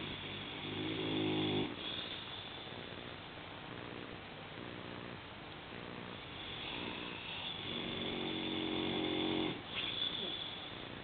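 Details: Sleeping female English Mastiff, just over 3 years old, about 70 kg, snoring loudly: rough, buzzing snores on slow breaths, about two long cycles in 11 seconds, with some room noise.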